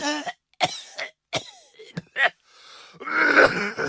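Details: Sound-effect recording of a person coughing: several short, dry coughs and throat clearing, ending in a harsher, longer cough.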